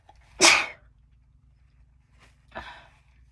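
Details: Chhinkni Sneezes 2: one loud, explosive sneeze followed by a softer second burst, a little wet sounding; an ordinary sneeze.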